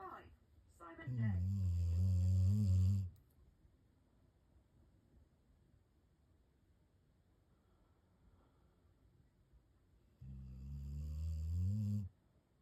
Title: Loud Snoring Pup! Funny & Adorable!